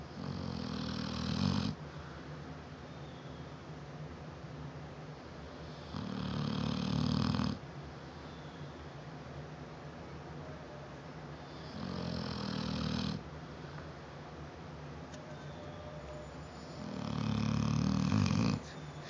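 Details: 7-year-old female Neapolitan Mastiff asleep, snoring loud enough to hear throughout the house: deep rattling snores on each breath, about four in twenty seconds, quiet breathing between; snoring.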